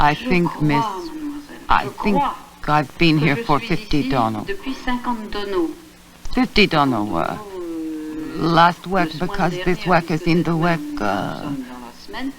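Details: 57-year-old woman interviewed in hospital with Wernicke's (fluent, receptive) aphasia from a lesion of the posterior first temporal convolution of the left hemisphere, impairing comprehension, with phonemic and verbal deviations and neologisms; Wernicke's aphasia.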